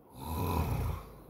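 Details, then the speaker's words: Father snoring during sleep: one deep, rattling, low-pitched snore on an inward breath. "Qué chistoso asustada el ronquidos de papá"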